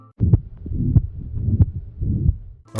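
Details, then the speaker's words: Stethoscope heart sounds of a 16-year-old girl with a ventricular septal defect: low heartbeats with a rough, rushing murmur of turbulent flow through the septal hole filling the gaps. "rough rushing sound this is a sign of turbulent blood flow between the heart's chambers because a small hole that lets blood sneak through where it shouldn't so she suffers from ventricular septile defect"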